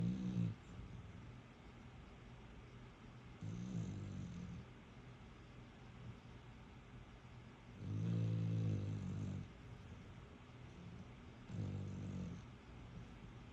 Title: My little staffy snore so loud